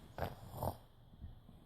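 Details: A child imitating their father's big snoring makes two short, rough nasal snorts, then quieter breathy sounds; this is a simulated snore, not real snoring.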